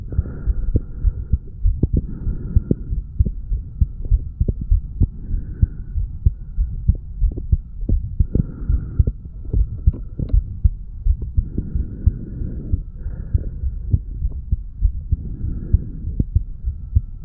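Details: A 35-year-old male's heartbeat recorded at the mitral area after weight training: quick, regular thumps with a faint intermittent hum in the background.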